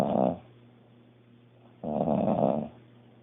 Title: Sister-in-law snoring like a Grizzly Bear Part 3